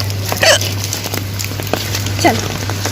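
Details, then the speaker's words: Woman with continuous hiccups outdoors in the rain: two short, sharp voiced hiccup catches about two seconds apart, over steady rain and traffic hum. "वैसे तो बेकार आ रहा है बारिश में तो हिचकी मुझे कंटिन्यू बनी हुई है"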